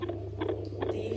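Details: Fetal heartbeat on a handheld Doppler, probe on gel in light pressure at 12 weeks or more of pregnancy: a fast galloping-horse rhythm, counted at 140 BPM and judged normal. Finding: normal fetal heartbeat on Doppler.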